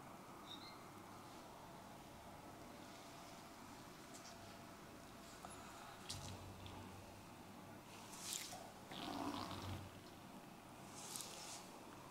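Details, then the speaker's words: Low rumbling gurgles of loud stomach growling during a firm Thai traditional abdominal bloating massage, in a woman: bowel sounds. "Your stomach is very loud [ Stomach growling ] Can you hear your stomach growling?"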